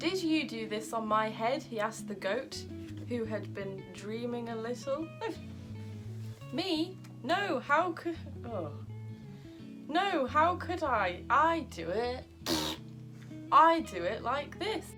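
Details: Adult woman with Tourette syndrome reading a children's story aloud; vocal tics interrupt the reading with inserted words, repetitions and swearing; vocal tics (Tourette syndrome).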